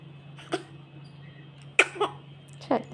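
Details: An infant makes small soft bursts ending in a sharp sneeze-like burst, described as the baby's first sneeze, over a steady background hum; sneeze.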